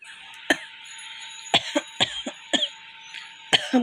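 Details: About six short, sharp, hacking dry coughs over a steady hum; the person attributes the cough to stomach heat or gas, with no cold and no phlegm.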